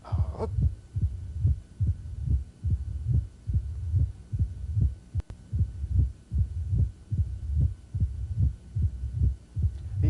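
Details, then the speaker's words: Mitral stenosis heard with the bell at the apex: regular heartbeat near 72 a minute with a low-frequency diastolic rumble, a presystolic component and a loud first heart sound. "so we got low frequency we were heard with a bell at the apex pre systolic component Oh first heart sounds usually a little loud"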